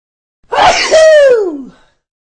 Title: SNEEZES!